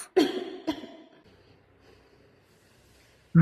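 Two short, sharp cough bursts followed by quiet; an acted cough given as an example.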